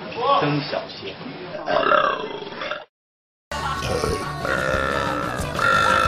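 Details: Adult man performing loud, drawn-out voluntary burps, with voices and music in the background.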